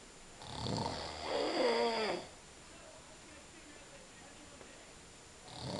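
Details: Father snoring, with a fart occurring first: one long, loud, rattling snore on the in-breath, then a quiet pause before the next breath.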